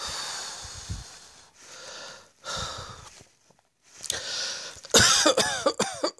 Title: Cross Dressing Coughing 56